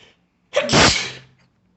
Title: strong sneeze